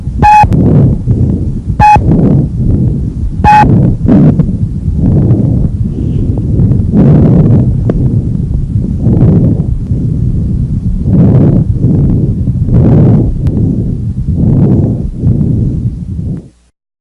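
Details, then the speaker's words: Normal bronchovesicular breath sounds, normally heard anteriorly near the main stem bronchi at the first and second intercostal spaces and posteriorly between the scapulae: medium-pitched, with inspiratory and expiratory phases of roughly equal length. "they are normally audible in two places number one anteriorly near the main stem bronchi in the first and second intercostal spaces and number two posteriorly between the scapulae"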